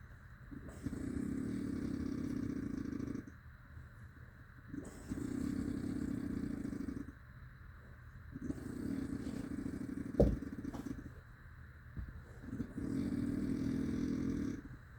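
Long, loud, rough rattling snores with a motor-like buzz, four in 15 seconds with quiet pauses between; heavy snoring.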